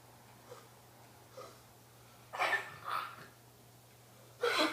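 Three short, harsh expulsive bursts after faint breaths, in a quiet room; a cough.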